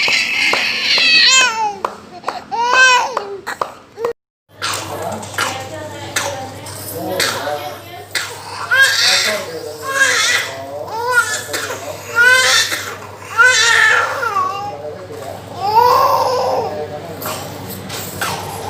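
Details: Young child with a cough that would not clear, unable to bring up phlegm, crying and sobbing in bursts over the steady low hum of a nebulizer during steam inhalation; child crying during nebulizer treatment.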